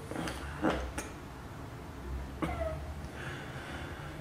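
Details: During a manual therapy session for the vlogger's lower back pain: a few short, sharp throaty bursts, like a brief cough or throat clearing, in a quiet room.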